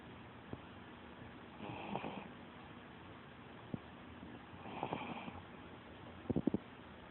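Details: Sleeping puppy snoring: soft, raspy snoring breaths roughly every three seconds, with a few small clicks and snuffles between them.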